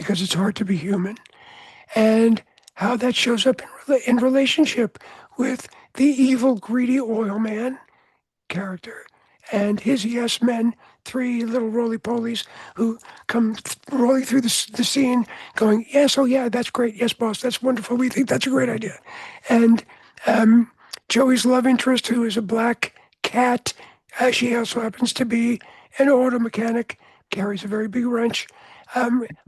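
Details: Adult man with altered voice after throat cancer treated with surgery, radiation and two years of experimental chemotherapy; no recurrence since.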